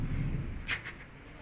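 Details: Effective cough technique demonstrated for airway clearance and sputum collection after breathing in and holding the breath: a brief, forceful cough burst with a smaller second push over a low room hum.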